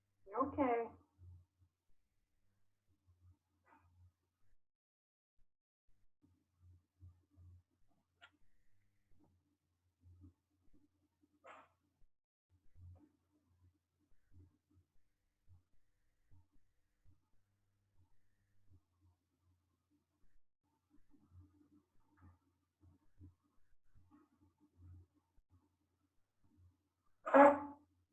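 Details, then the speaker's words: Cat with allergic bronchitis (pollen or airborne allergen inflaming the bronchi): two short, very harsh, dry hacking coughs, a non-productive cough. "specifically this cat has allergic bronchitis so some theme pollen or something in the air is causing inflammation of his bronchi you'll hear this we call it as mo but you'll hear this very harsh dry hacking kind of cough"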